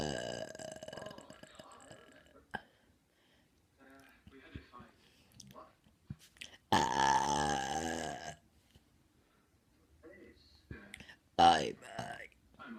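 A long, loud, gurgling belch with a few shorter ones and quiet mouth noises around it. Burping.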